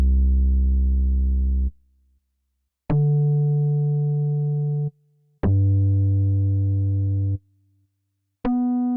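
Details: Simulated pure-tone hearing test in an ASMR role-play, not a real exam: steady two-second beep tones separated by short silences while the patient raises a hand on hearing each side; audiometry test tones.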